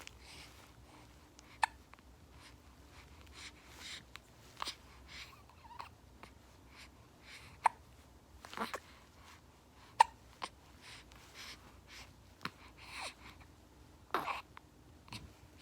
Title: Hiccups 😖